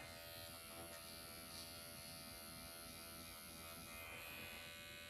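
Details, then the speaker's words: Steady high electric buzz with rapid fine rattle: MD Needle Pen microneedling the eye area, working outside in at 1 mm depth after the forehead, under strong numbing ointment, painless, mild erythema appearing. "I'm gonna go from outside and in. This does not hurt, by the way, at all. And I'm using like 1 millimeter still for this area."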